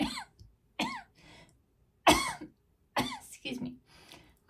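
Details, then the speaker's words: A run of four short, sharp coughs with soft throaty sounds between them, from an adult with asthma who reports something in the room she is allergic to is worsening it; cough. "Sorry about the coughing, guys. It's asthma. Something in here I'm allergic to. Makes my asthma worse."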